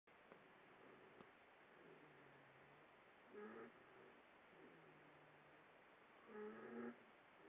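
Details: Pet snoring while asleep in the owner's bed: quiet rhythmic snores, a low drawn-out tone then a squeaky, whistling burst about every three seconds, likened to a baby pterodactyl crying; snoring.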